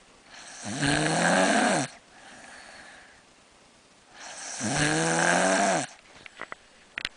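Two loud, harsh, vibrating snores on the in-breath with quieter out-breaths between, about four seconds per breath cycle.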